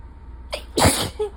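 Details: Single sneeze: short intake of breath, then one explosive burst of air and a brief vocal trailing sound.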